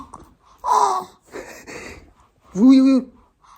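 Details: Person who can't stop hiccuping: three short voiced catches of breath, the last a drawn-out squeaky intake, in a quiet room; gasping with hiccups.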